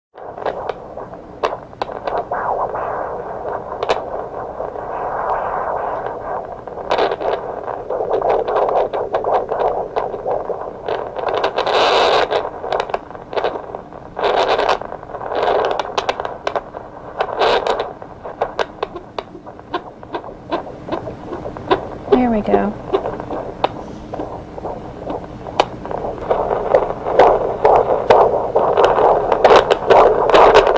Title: Fetal Heart Sounds